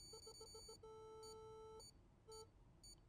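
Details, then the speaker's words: Endodontic apex locator (Rooter X4000 endomotor used as a relay) in a tutorial demonstration: rapid short electronic beeps merging into a sustained tone, then brief tones, signalling file position relative to the apical foramen. "But now also the motor is peping me. So I don't need to hear this. I can hear this."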